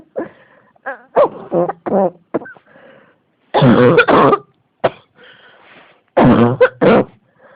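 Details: Persistent coughing: repeated harsh coughs and throat-clearing in quick clusters, about seven bursts, that keep returning.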